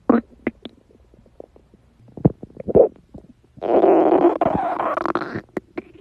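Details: A girl's stomach growling: scattered gurgles and pops, then a long rumbling growl; ordinary bowel sounds (borborygmi).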